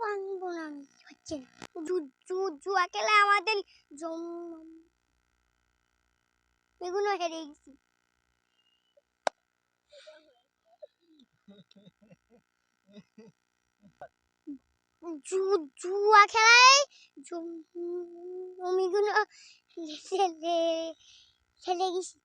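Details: Acted stuttering in a Bengali comedy skit, with repeated phrases; stuttering (acted).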